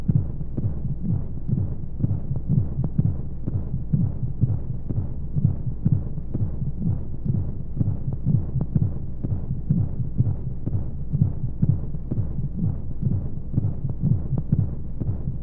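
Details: Womb-sound sleep aid for babies: steady muffled low thumping about 125 a minute under a whooshing hum of flowing noise, like a heartbeat heard through the womb, with white noise; heartbeat.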